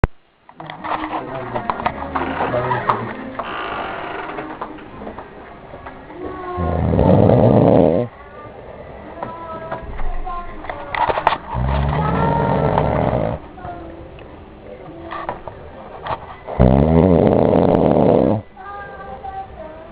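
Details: Person snoring: loud, rough snores, one every few seconds, separated by quieter breathing, with some background sound; ordinary snoring.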